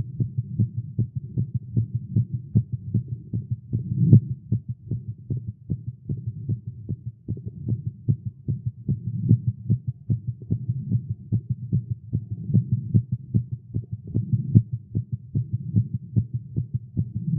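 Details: Male heartbeat recorded during exercise after caffeine: rapid, steady low thumps at about 150 beats a minute, a fast heartbeat.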